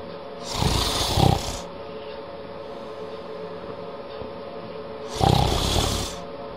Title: Snoring Cat